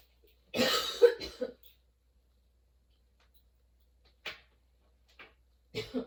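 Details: Sudden-onset, nonstop coughing fit that kept worsening, bringing tears and frequent position changes: a harsh burst of several coughs, then short isolated coughs after a pause.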